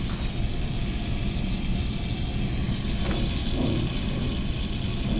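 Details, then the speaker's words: Jet small-volume nebulizer on oxygen at 6–8 L/min delivering albuterol and Atrovent via mouthpiece, patient asked to take slow deep breaths: steady loud rushing hiss with low rumble; jet nebulizer running. "this is a jet nebulizer just like we've been working with on the trade callers I turn this up to six to eight is the flow for this"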